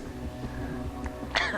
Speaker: That was the sound of an IFSC athlete just having a coughing fit and it's only only getting worse.